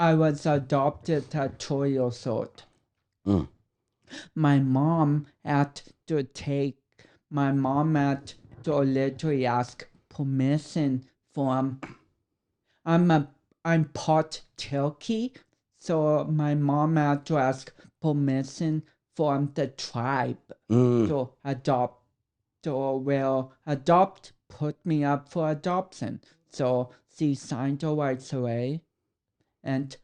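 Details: 32-year-old man with cerebral palsy, which he says affects his speech coordination and walking; dysarthria (cerebral palsy).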